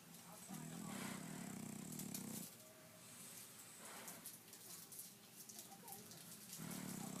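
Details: Sleeping French bulldog snoring: long, rough, rattling inhaled snores with noisy breathing between them, over outdoor background noise.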